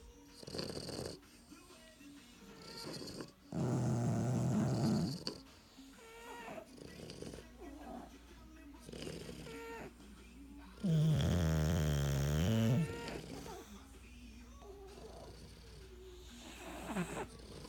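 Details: Loud, irregular, low rattling snores from sleeping bulldogs, several bursts over about eighteen seconds with quieter breathing noise between them; snoring.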